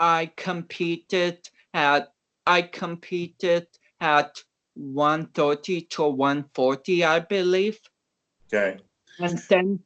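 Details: Dysarthric speech in a man of about 29 with cerebral palsy, an athlete and powerlifter whom doctors had not expected to walk or talk.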